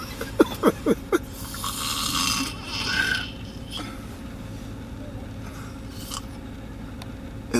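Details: An adult male rapper asleep on tour snores: a few sharp clicks, then one long, rough, fluttering snore on an in-breath, then quiet room noise; snoring.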